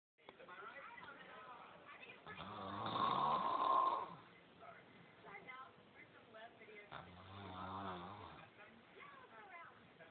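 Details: Person snoring: two rough, rumbling snores separated by quieter noisy breathing, faint low hum in the room; ordinary snoring.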